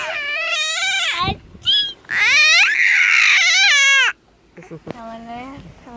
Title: sneezing and noisy baby